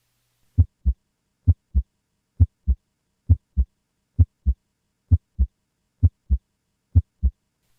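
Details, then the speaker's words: Normal heart sounds, S1 and S2, in a teaching recording: a clean, steady lub-dub at about 66 beats a minute. Both are crisp, high-pitched sounds best heard with the stethoscope diaphragm. S2 marks aortic and pulmonic valve closure. "S2 is caused by and occurs essentially simultaneous to the closing of the aortic and pulmonic valves at the transition from syy back to diast together S1 and S2 form the L dub of the heartbeat"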